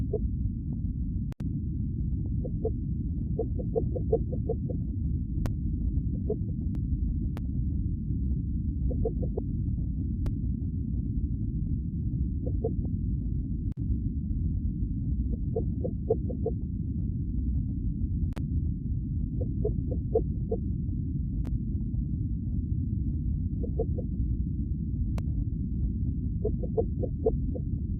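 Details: Fetal heartbeat on Doppler during pregnancy: steady low whooshing noise with recurring rhythmic pulsing.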